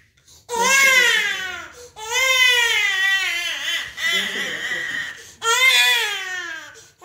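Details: Loud, high-pitched crying in long wailing bursts with brief pauses for breath from a baby receiving his first vaccination.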